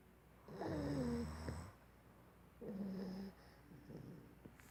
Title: Snoring